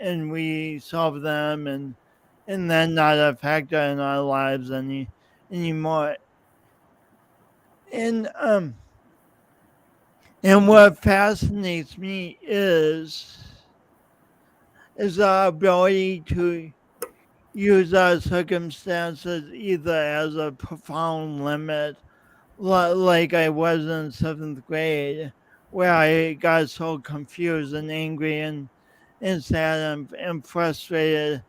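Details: Man's real, lifelong speech impediment with coordination differences, self-described; speech impediment with disfluency.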